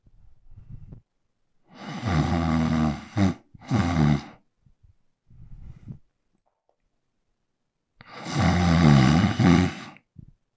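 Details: Adult man snoring, recorded with a Zoom H1n handheld recorder: loud, deep, rattling snores on inhalation, with three long snoring breaths separated by quiet pauses; ordinary heavy snoring.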